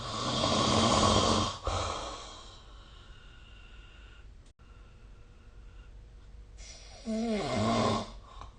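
Two harsh, rattling snores on breathing in, with a quiet pause of several seconds between them. Snoring during sleep.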